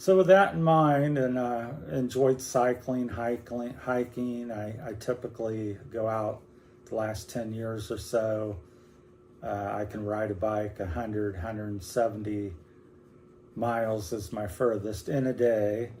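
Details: Man about 60 with Parkinson's disease that began four or five years earlier, first in his legs, now affecting his whole body including speech and movement, with hand tremor; Parkinsonian speech (hypokinetic dysarthria).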